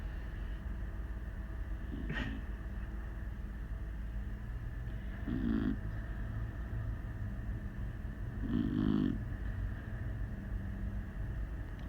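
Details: Sleeping Beagle snoring like a freight train: rhythmic, rumbling snores roughly every three seconds, about 18 a minute, over steady room hum.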